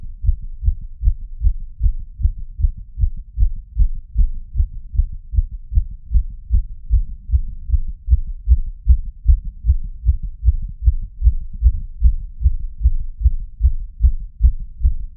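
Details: Fast, pounding heartbeat recorded with a Polar H10 and an ECG app: fast, regular thumps at roughly 150 a minute, well above a normal resting rate.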